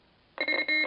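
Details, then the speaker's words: AED charging alert tone in a simulated first-responder training scenario after shock advised, pads on patient's chest; steady electronic tone while everyone is told to stand clear before shock delivered. "let the AED analyze the Rhythm and follow the directions of the AED analy everyone stand clear shock advised charging everyone stand"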